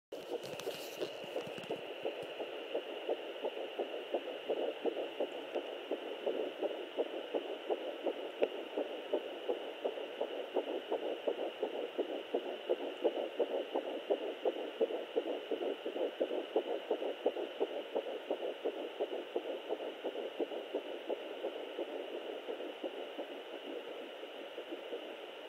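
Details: Fetal heartbeat at almost 10 weeks of pregnancy: rapid, regular whooshing pulses at roughly 170 beats per minute over a steady hum.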